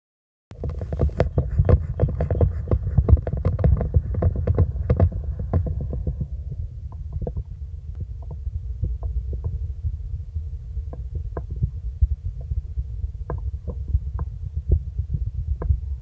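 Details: Blood pressure measurement heard through a stethoscope in a nursing vital-signs lesson: tapping pulse sounds over heavy low rumble; Korotkoff sounds.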